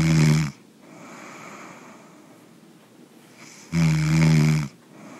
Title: Stop snoring when sleeping (SORRY FOR HEARING)